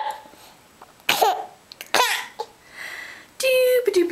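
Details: Hiccups in a baby laughing at her mother's mirror reflection in a small, echoing bathroom: abrupt, sharp catches of breath with short voiced sounds and giggles in between.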